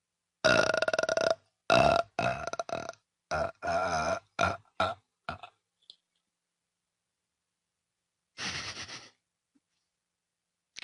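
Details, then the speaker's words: Person burping solo: a series of loud, long, rumbling belches, several in quick succession, then one more after a pause. "Can you like inhale and like burp again? Or do you not have that strat?"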